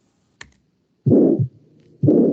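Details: Two loud, harsh heart cycles with a rough sound filling the gap between beats: a systolic murmur of aortic stenosis.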